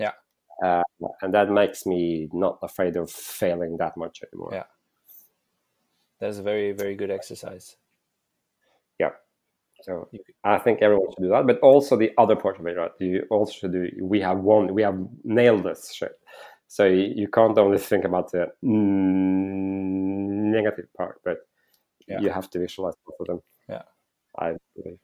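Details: Stuttering in a male startup founder who says he stutters and that it can be heard in his speech.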